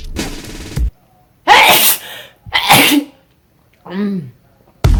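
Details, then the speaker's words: Sneezing fit in a woman: several explosive sneezes in quick succession, each a sudden noisy burst, with background music; sneeze. "I could last have sneezed. It didn't say and"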